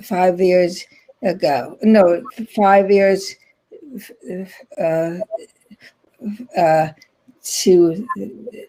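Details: Aphasia in an adult woman after a stroke in 2010, still in ongoing rehabilitation therapy.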